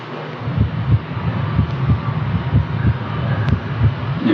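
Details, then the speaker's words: Heart auscultation at the tricuspid point, right sternal border, fifth intercostal space: regular low heart thumps about 62 a minute over steady background noise; no pathology, heart sounds clear and rhythmic; normal heart sounds. "В данном случае патология не обнаружена, тоны сердца ясные, ритмичные."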